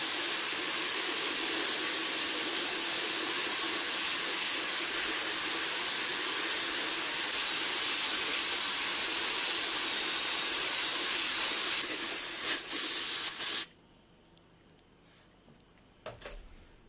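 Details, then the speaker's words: Dental handpiece with white stone polishing a composite resin filling between front teeth on a mannequin (not a real patient): steady high-pitched hiss, then stopping, during final shaping and smoothing. "Une pierre blanche est utilisée pour créer une surface plus lisse."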